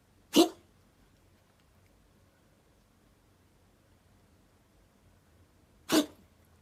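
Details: Cat's strange cough that owner believes is very painful: two short, sharp, dry expulsive bursts several seconds apart in a quiet room.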